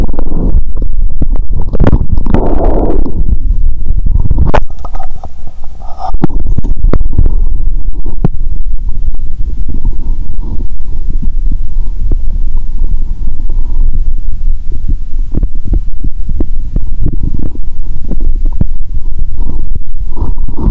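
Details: Stethoscope on own stomach after cola and Mentos, feeling full and having burped: many loud, noisy active bowel sounds.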